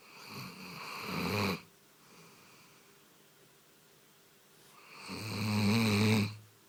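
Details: Sleeping dog snoring after a long walk in pouring rain: two loud, rasping snores with a low vibrating flutter on each breath and quiet breathing between them.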